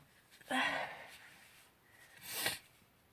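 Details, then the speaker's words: A girl sneezes twice, soft breathy hissing bursts about two seconds apart, trying to sneeze away a persistent nasal tickle; quiet room. "Such a relief when the tickle goes way. Even for it's even if it's just for a second."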